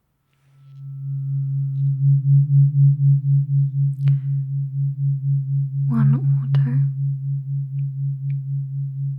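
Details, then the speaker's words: Simulated cranial nerve exam (ASMR roleplay, eyes closed): a tuning fork tone as a second fork is introduced. The listener is asked whether they hear one tuning fork or two. "I'm going to introduce a second tuning fork. I want you to tell me if you can hear one tuning fork or two."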